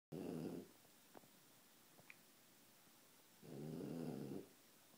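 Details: Pet named Archie asleep upside down on his favourite chair: two rumbling, fluttering snores separated by a quiet out-breath in a quiet room; ordinary snoring during sleep.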